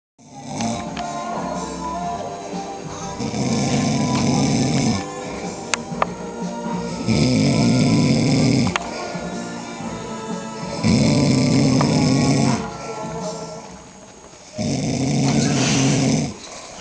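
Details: Snoring from an adult man asleep at a 40th birthday party: long, loud rumbling snores roughly every four seconds over background music.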